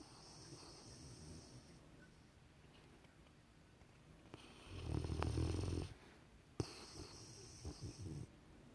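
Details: Sleeping Rottweiler: low rumbling snore on one breath, with softer snuffling breaths and faint room noise.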